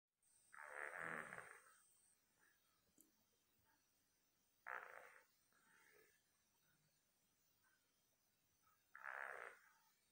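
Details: Buster, a dog sleeping soundly, with three soft, snorting snores about four seconds apart, roughly fifteen breaths a minute; snoring.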